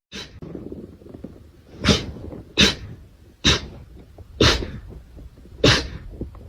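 A run of six sharp, explosive sneezes about a second apart, each with a quick intake before it. Repeated sneezing.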